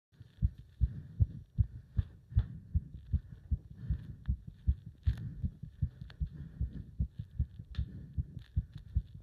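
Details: Heart sounds during leg wrench exercise, pulsation felt up to the subclavian artery: fast, strong, regular heartbeats at about 150 a minute; rapid heartbeat during exercise.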